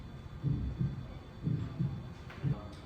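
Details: Simulated heartbeat on a training mannequin at Erb's point: paired low thumps, about 60 beats a minute, with a soft hum behind.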